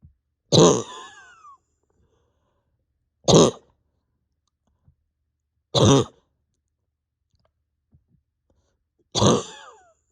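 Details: Four single harsh coughs a few seconds apart, some with a faint strained tail, from an adult at home with pain deep in the chest and stomach, awake over 32 hours and reporting the bronchodilator is not helping; cough.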